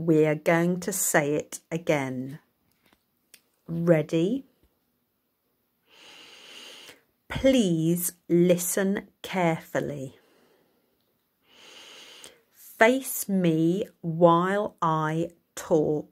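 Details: Speaker who states they have dysarthria, making talking difficult and requiring slow speech; speaks in short phrases with pauses; dysarthria.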